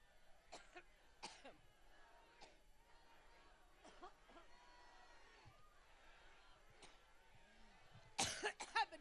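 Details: Adult woman at start of a speech in Cleveland struggling to control her cough: run of about seven dry coughs and throat clears ending in a louder cluster, crowd noise behind; coughing fit.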